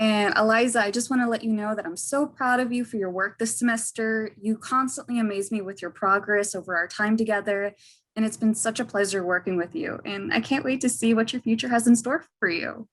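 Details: Adult woman; normal speech.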